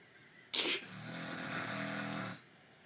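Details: Unedited recording of a man snoring around 3:30 am: a brief sharp hiss, then a loud, buzzing, rattling snore lasting about two seconds, with room noise around it.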